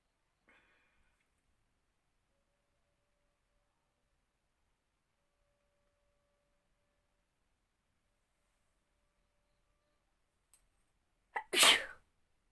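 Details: Sneezing challenge: long near-silence, then a short catch of breath and one abrupt, hissing sneeze at the very end.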